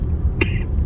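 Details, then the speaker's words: Adult with lingering cough after a flu caught on vacation, throat inflamed, cough now less wet than before: a single short, fairly dry cough over low rumbling background noise, a post-viral cough. "this cough I hate it doesn't hurt that much at least I got all the uh inflammation out so it's not as wet as it used to be"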